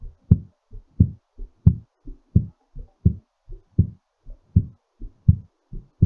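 Quick, regular lub-dub heartbeat around 87 beats a minute, a normal heart rate settling during recovery after exercise.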